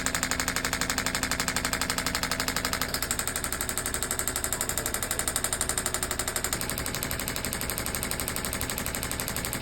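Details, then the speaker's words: Radial pressure wave (shockwave) therapy on the knee of a patient with knee pain and limited bending after knee replacement: rapid, regular clacking pulses, about four per second, aimed at breaking up scar tissue; 11° flexion gain after first session. "so that's radio radial pressure wave therapy right it's shock wave therapy right so it goes into those tissues breaks up that scar tissue all that junk in through there before it becomes permanent right"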